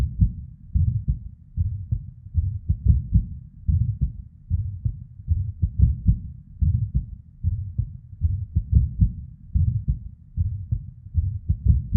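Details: Female with an irregular heartbeat: low, muffled beats with uneven spacing and early extra beats (PVCs/ectopics), plus a soft whooshing murmur of blood flow.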